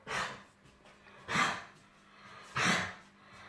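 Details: Three harsh, breathy cough bursts, evenly spaced over a faint steady hum, from a 9.5-year-old female Russian Toy dog with a cough.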